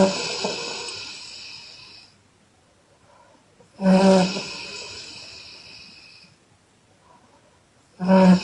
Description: Loud exhale snoring by chinese girl